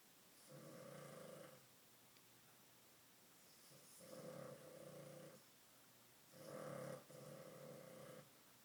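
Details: Sleeping dog snoring loudly like a grown man: three rough, rattling inspiratory snores, about 20 breaths a minute, with quiet pauses between.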